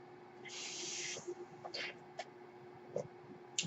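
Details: Home mechanical ventilator in use by a man speaking: a soft, airy hiss of about a second, then faint clicks and brief puffs over a steady low hum, as the ventilator delivers a breath.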